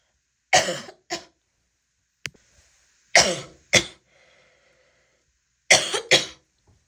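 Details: Woman coughing: six loud, harsh, forceful coughs in three pairs separated by quiet gaps, a barking cough.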